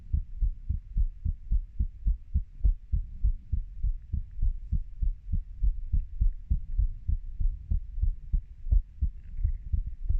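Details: Own heartbeat of a 30-year-old: steady low paired lub-dub thumps at roughly 100 beats a minute with faint background hiss; normal heart sounds.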